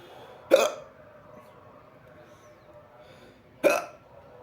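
Two sharp, short hiccups about three seconds apart against quiet background.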